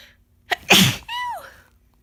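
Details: Person with a cold sneezing all morning and afternoon: a quick in-breath, then one forceful wet sneeze with a short voiced tail.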